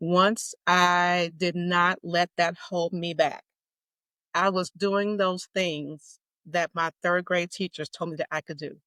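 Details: Stuttering in an adult woman with a lifelong stutter she describes as mild to moderate; formerly covert, openly stuttering since 2018.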